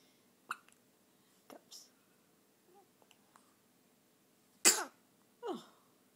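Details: Brief, sharp catches and small squeaky bursts at irregular intervals, several within a few seconds, from a newborn on the night of birth, over a quiet room hum: hiccups.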